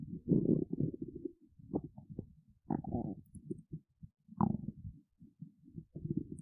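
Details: Hungry, empty belly of an adult woman: low gurgling rumbles and bubbling runs in irregular bursts; ordinary hunger borborygmi.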